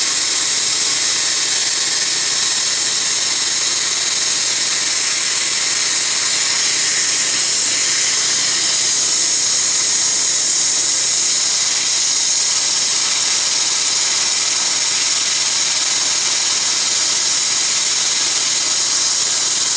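Steady high-pitched hiss and whine of dental instruments with rapid faint pulsing, heard during a laser-assisted root canal procedure.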